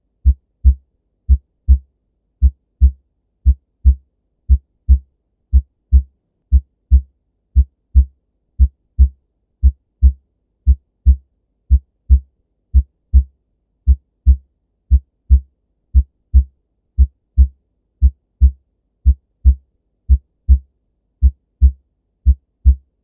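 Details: Regular lub-dub heart sounds at about 58 beats a minute, with clear first and second sounds and no murmur; normal heart sounds.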